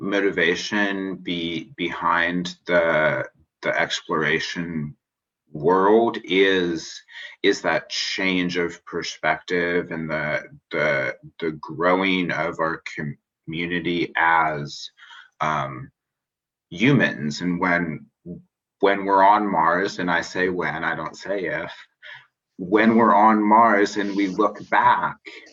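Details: Adult man who describes himself as a person who stutters, speaking spontaneously in a podcast interview; finding: stuttering.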